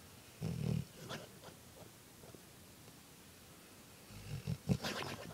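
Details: Sleeping dog snoring "like a cartoon character": low rumbling snorts and grunts, with a quiet pause between breaths; snoring.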